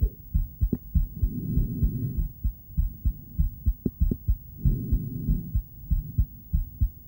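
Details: Heartbeat of a female heard with an ultrasonic Doppler device: regular low thumping at about 97 beats a minute, with occasional whooshing noise.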